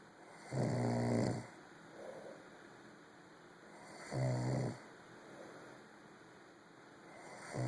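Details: A sleeper snoring late at night: two loud, low, rattling snores on inhalation about four seconds apart, with quiet breathing between; ordinary snoring.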